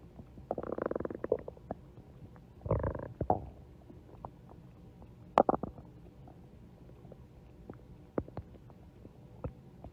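Several bursts of gurgling, groaning growls with scattered small pops and clicks in a quiet room; ordinary stomach growling.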